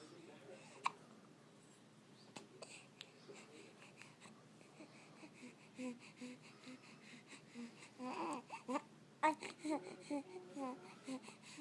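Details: Child upset by hiccups: sharp, sudden catching sounds recur irregularly, mixed with babbling and fussing in a small room.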